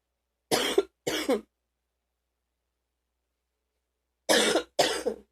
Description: Some coughing at night with my boyfriend trying to be quiet, and some deeper coughing from this AM, enjoy xox